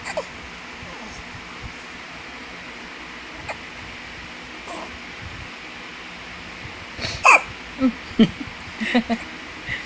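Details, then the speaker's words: Newborn baby girl hiccupping while trying to yawn: a quiet room, then a run of short, sharp hiccups, a common harmless event. "Baby is supposed to yawn but she hiccups at the same time."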